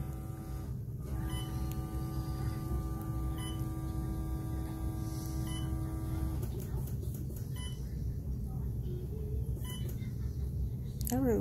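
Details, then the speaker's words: Steady electric pump whine of an automatic blood pressure cuff inflating tightly on a woman in hospital, then soft beeps as the reading proceeds; she was admitted for dehydration after days of vomiting and diarrhea, then had an unplanned birth. "because it's getting really tight so it's checking for real this time"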